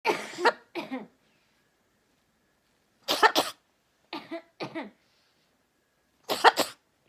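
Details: A macaw mimicking its owner's throaty cough with short, harsh cough-like bursts in pairs; imitated cough, not real illness.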